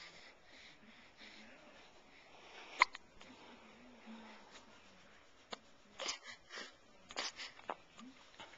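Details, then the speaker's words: Hiccups in a newborn boy about three weeks old, awake and looking outside: brief, abrupt clicking catches every few seconds with soft infant noises. "elliot with the hiccups looking outside or something there he is"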